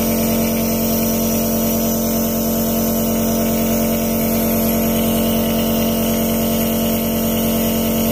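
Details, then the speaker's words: Nebulizer compressor switched on, first at the machine and then at the plug: a loud, steady mechanical hum with a rapid pulsing buzz. "മെഷീനിലെ switch on ചെയ്തിട്ടുണ്ട് ഇനി പ്ലഗ്ഗിലുള്ള switch on ചെയ്യാം"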